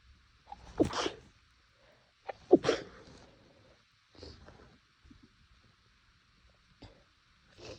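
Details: Several muffled stifled sneezes held back to stay quiet, with soft breaths and sniffs between; itchy nose, possibly from temperature changes.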